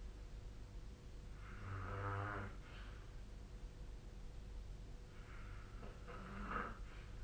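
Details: Snoring during sleep recorded with the SnoreLab app on 2025/04/30: two low rattling snores separated by a quiet pause over steady room hum.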